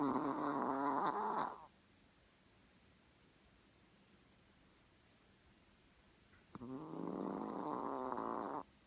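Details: Two buzzy, rattling snores on in-breaths about five seconds apart, with a quiet pause between, from a small dog sleeping on the owner's lap.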